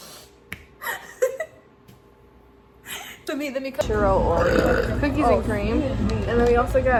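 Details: Person burping in a compilation: a few short throaty bursts, then a long, loud, drawn-out voiced belch lasting several seconds.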